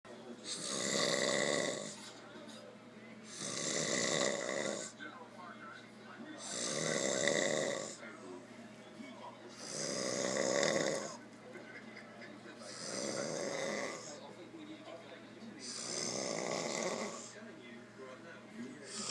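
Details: Adult man asleep after a long hard day of working: loud, rhythmic rasping snores, about nineteen breaths a minute.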